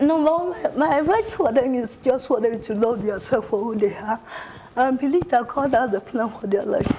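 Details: Adult woman with cerebral palsy, a movement disorder from abnormal brain development or brain damage around birth; the finding is dysarthria due to cerebral palsy.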